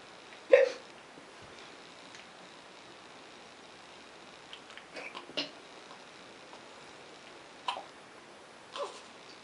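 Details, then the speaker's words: Baby girl with her father, several short, sharp, abrupt sounds a few seconds apart in a quiet room, her eyes widening with each; infant hiccups. "look at those eyes it'll get wider every time she hiccups"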